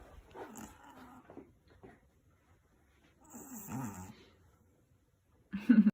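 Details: Sleeping Russian chihuahua that habitually snores, owner notes a stuffed nose: irregular snorting, rattling snores with uneven pacing, ending in a loud burst.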